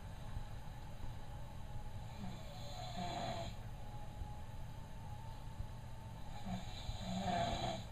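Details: Snoring during sleep: low rumbling snores, two breaths over eight seconds, against a steady background hum.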